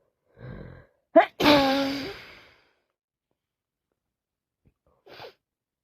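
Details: Sneezing with a head cold that also causes constant sniffing and coughing: a sharp inhaled gasp, then one loud sneeze with a trailing voiced release, followed by a short sniff.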